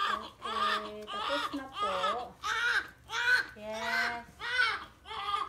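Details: Strong, rhythmic crying in repeated bursts with clear, full-voiced wails from a newborn boy in the minutes after a normal vaginal delivery.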